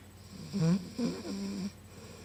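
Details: Woman sleeping, snoring really loud: two loud, rough, rattling snores on breathing in, with quiet room noise between them.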